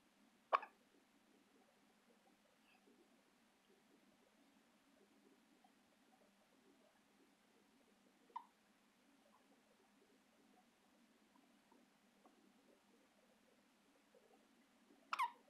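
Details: Infant girl with hiccups: three brief, squeaky hiccups spaced several seconds apart in a quiet room.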